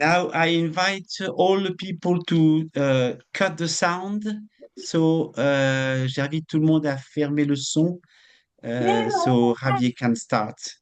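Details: Adult male stroke survivor with post-stroke aphasia, non-native English speaker giving a presentation, with audible word repetitions and self-corrections; finding: aphasia.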